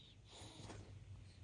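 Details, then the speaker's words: A sleeping dog snoring: a single low, rumbling, snort-like snore over faint room noise. "I guess can you hear my dog snoring um excuse me sir I'm trying to film a"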